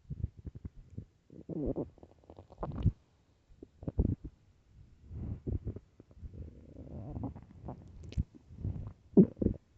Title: extremely LOUD hungry stomach growls and empty stomach (part 2)